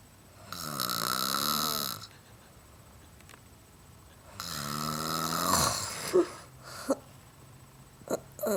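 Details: Holly snoring while asleep: two long, rough, rattling snores on the in-breath, with quiet pauses and a few short snorts; ordinary snoring.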